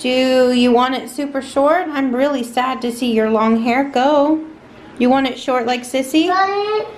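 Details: Adult woman speaking; typical adult speech.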